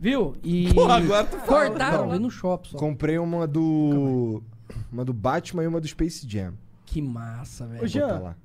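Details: Adult speaker; normal speech.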